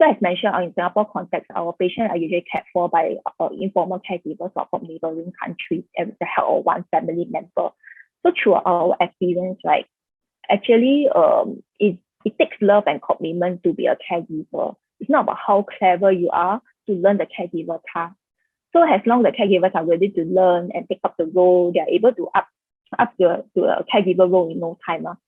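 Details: Adult woman speaking; ordinary speech.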